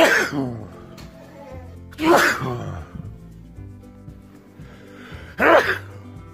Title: #Sneezes #Sneeze #Sneezing World loudest sneezes plus cat drone landing winter videos frozen lake